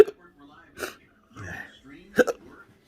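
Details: Intractable hiccups with choking spasms, October 2022 episode that started at 4:45 a.m. and is worsening: several abrupt hiccup catches with short, strained, gulping breaths between.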